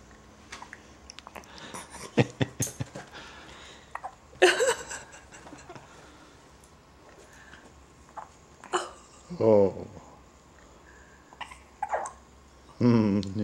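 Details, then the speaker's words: Baby's first hiccups, short abrupt catching sounds spaced several seconds apart, each with a little visible shiver. "like Make It Stop how do you stop hiccups in a little kid from what I read about them you don't that they're actually not as bothersome in babies as they are in people"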